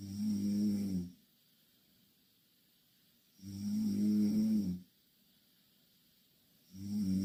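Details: Two Korean girls asleep in the same bed snoring loudly: loud, rumbling snores on each in-breath, about 17 a minute, with quiet pauses between; steady snoring during sleep.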